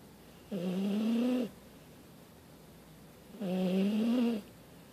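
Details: Dog sound asleep snoring before being woken to go out before bed: two long, low, buzzy snores about three seconds apart with quiet breathing between; snoring.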